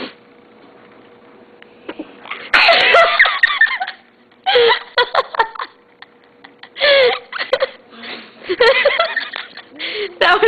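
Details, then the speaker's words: Child prompted to make herself sneeze gives a sudden, forceful sneeze, followed by laughter and brief voices nearby. "Make yourself sneeze. Come on, make yourself sneeze. Come on, make yourself sneeze."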